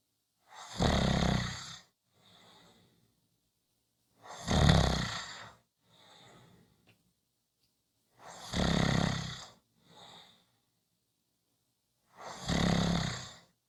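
Four loud, low rumbling snores on breathing in, about 4 seconds apart, each followed by a soft breath out; regular snoring, about 15 breaths a minute.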